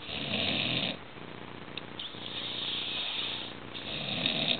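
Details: Man asleep after drinking alcohol, snoring very loudly, also said to have nearly choked on vomit while sleeping: loud, harsh, rasping breath noise rising and falling with breathing over a noisy background.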